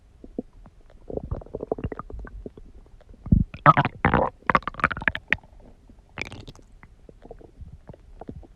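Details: Irregular gurgling, squelching and rumbling bursts of an active, growling stomach, an ordinary sign of gut movement (borborygmi).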